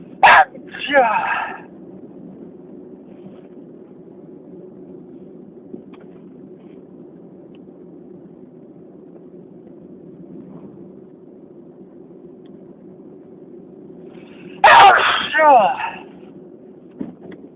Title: Can't stop sneezing...